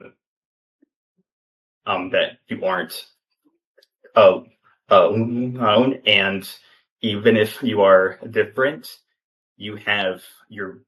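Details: Stuttering in a 28-year-old man, an open stutterer, speaking in an interview; he has stuttered since childhood and had speech therapy from elementary through high school.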